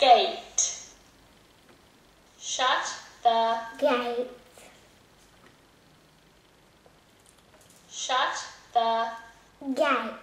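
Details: Five-year-old boy with childhood apraxia of speech, in speech therapy for over 3 years, repeating a phrase during iPad app practice: childhood apraxia of speech.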